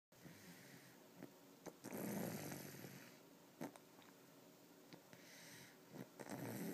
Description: 3 year old boy got to stay up late and was so tired that he snored very loudly after going to bed